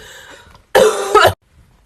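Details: Single harsh adult cough, about half a second long, with a second push at the end, in a quiet room; speaker says they are sick, voice affected.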